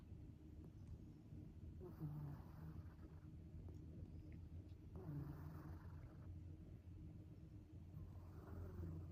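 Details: Sleeping cat snoring: soft, slow snores about every three seconds over a low background rumble, with an unusual, almost human-child-like sound; snoring.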